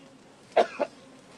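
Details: Adult man speaking outdoors at a rally in severe cold repeatedly coughs: two short, dry coughs in quick succession, faint outdoor background noise.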